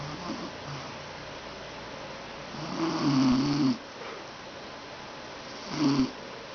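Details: Adult woman snoring: repeated rumbling snores on breathing in, the middle one long and loud, separated by quieter breathing.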